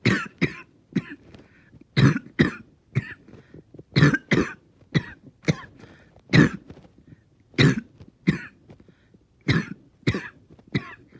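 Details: Prolonged, painful coughing fit with repeated harsh coughs in quick clusters and short gasps between; the person says they stayed fairly calm.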